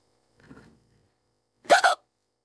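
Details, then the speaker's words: Simulated AI-generated voice at bedtime: a soft sound, then a sharp voiced double hiccup amid speech about hiccups on and off for 15–20 minutes that prevent falling asleep: hiccups. "I'm really trying to fall asleep man that I care due to these hiccups oh hiccups excuse me"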